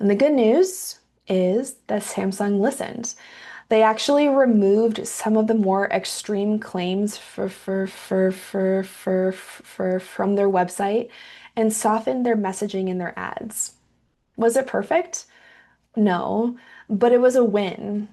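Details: Stuttering with sound/syllable repetition in a woman who identifies as a stutterer and is herself a speech therapist and researcher.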